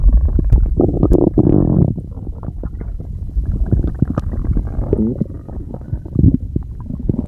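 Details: Person with stomach noises they say they can't control: loud, irregular gurgling and rumbling with bubbly low squeaks; stomach growling (borborygmi).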